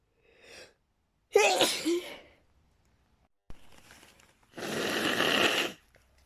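A short sharp sneeze with a gasp before it, then a long blowing burst that sounds like nose blowing.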